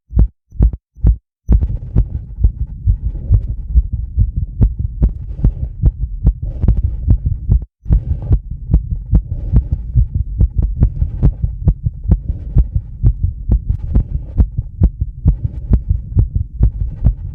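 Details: Adult's heart recorded with a microphone on the chest and 10-lead EKG after about 2 minutes of rebreathing a bag to induce mild CO2 intoxication: rapid, regular thumps at about 135 beats a minute over a low rumble; sinus tachycardia.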